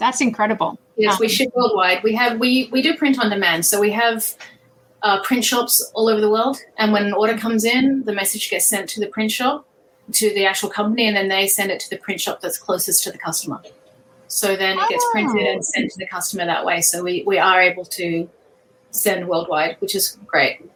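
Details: Adult woman speaking; ordinary speech.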